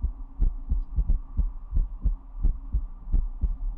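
Steady low paired thumps at about 88 beats a minute over a soft hum; a normal heartbeat.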